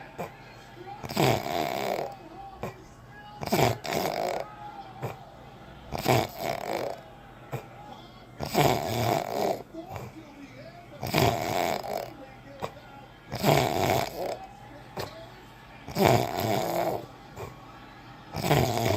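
Loud rasping snores recur about every two and a half seconds, roughly 24 a minute, with quiet breathing between them.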